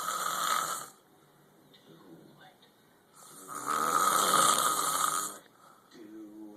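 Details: Adult roommate sleeping after a night out at a bar, snoring loud enough to be heard down the hall: two long, loud, harsh rattling snores with a quiet pause between.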